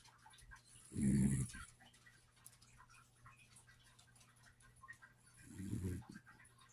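Two low rumbling snores about four and a half seconds apart, quiet breathing between; snoring in a sleeping puppy.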